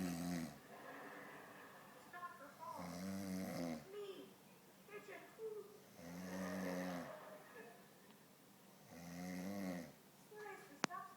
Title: snoring